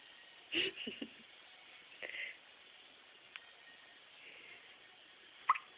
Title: gets the hiccups